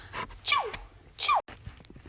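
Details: Simulated, comic sneezing demonstration framed as COVID-19 advice: two loud, deliberately performed sneezes, each a sharp inhaled build-up and a falling burst; sneezing.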